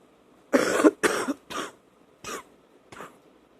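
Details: Night wet cough on awakening, with spitting up: an adult's quick bout of five loose, moist coughs that fades.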